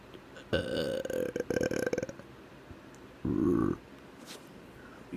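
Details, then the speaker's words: Voluntary burping on command: two loud, drawn-out burps with a gurgling, rattling quality, a deeper one followed by an attempt at a higher one. "That was a deeper one. I'm gonna try to do a higher one."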